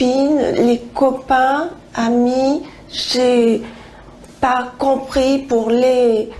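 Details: Woman with nonfluent primary progressive aphasia, onset seven years ago with a slight stutter and gradually progressing, answering a question about her current language difficulties.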